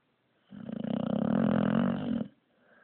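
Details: Sleeping young pup snoring loudly: a single long, rough, buzzing breath lasting nearly two seconds with rapid fluttering vibration throughout; owner remarks he is kind of loud.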